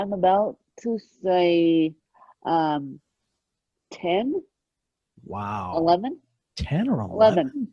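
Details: Adult woman born with moderate ataxic cerebral palsy, mid-spectrum, caused by lack of oxygen at birth, needing 24-hour care; ataxic dysarthria.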